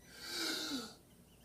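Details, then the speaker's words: Lung auscultation during a patient assessment of an alert adult man on 15 L/min oxygen by non-rebreather mask, breathing in on command: single smooth airy inhalation, no wheeze or crackle, clear lungs. "He seems to have clear lungs."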